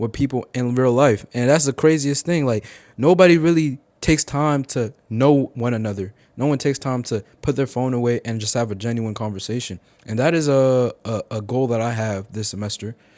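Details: 18-year-old male college sophomore who stuttered heavily as a child and still stutters, with part-word and whole-word repetitions; stuttering.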